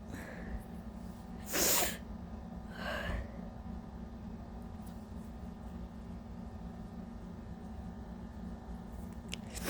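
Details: Person with several days of bad allergies, a sore throat, lost voice and a scratchy wet cough: one loud sneeze followed by a softer second sneeze over steady room hum; sneezing.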